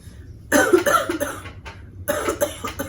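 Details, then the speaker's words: Postoperative patient's voluntary splinted cough: after deep-breathing exercises, she hugs a pillow over her rib-cage incisions and gives two deliberate coughs, each a short burst of harsh pulses. "now we're gonna breathe one more time and then you're gonna cough two times okay now you can call"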